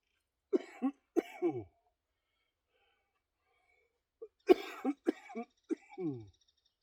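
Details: Two runs of several short, harsh coughs with throaty, rattly tails separated by a pause, from an adult with cystic fibrosis and lung function of 46% during a back and biceps workout, winded and panting: productive cough.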